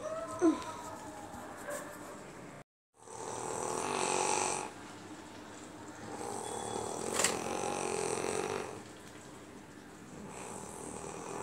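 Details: Snoring: two long, rough, noisy inhaled breaths a few seconds apart with quieter breathing between, in a small room.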